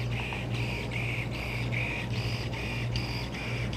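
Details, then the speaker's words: Arthroscopic shaver in a man's right shoulder during arthroscopy, trimming long-frayed tissue at the front undersurface of the supraspinatus: steady motor hum with rhythmic whirring pulses. "i think if i put the shaver back there i can trim it bears me to come get this one little bit on the very front under surface of the supraspinatus"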